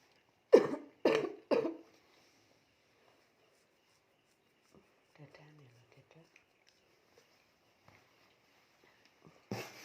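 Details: Person with night-time cough and breathlessness, recorded while receiving a massage to ease breathing. Three quick, sharp coughs in a row, then faint voices in a quiet room and a further cough at the end.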